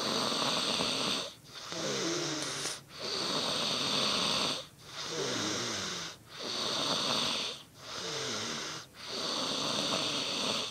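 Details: Person snoring: harsh, noisy snoring repeating in steady cycles with brief quiet gaps between breaths.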